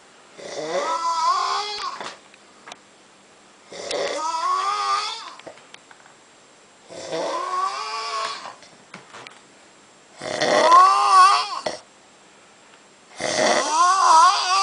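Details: Man snoring after heavy drinking at Oktoberfest: loud, rattling snores on each breath in, about every three seconds, with quiet pauses between; heavy snoring.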